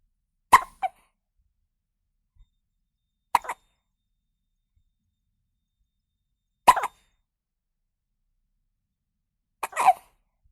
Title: Newborn Baby Hiccup Sound Effect